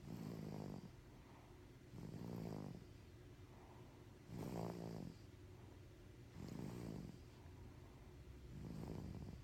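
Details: Regular low, buzzing snores on each in-breath, about 30 a minute, separated by quieter breathing out; ordinary snoring.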